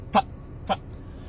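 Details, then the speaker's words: Vocal tic in an adult with Tourette syndrome: two abrupt throat-clearing, cough-like grunts in quick succession. "i have tourette syndrome i'm a stand-up comedian here out of the state of texas"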